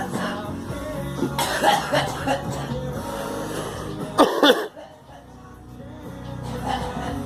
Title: Girl coughing